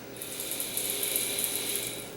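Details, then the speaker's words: Fast whirring rattle of the pierced capsule spinning in a dry powder inhaler, as the patient breathes in quickly and deeply through the mouthpiece during a demonstration; the spinning shows inhalation is fast enough to release the powder. "when inhalation is fast enough you hear a little spinning noise that means the pill is being jangled around inside"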